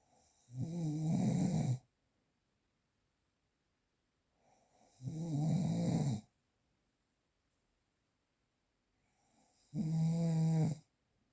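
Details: Real, unprocessed recording of snoring: three loud, rough, vibrating snores on inspiration with quiet gaps between, about 13 a minute.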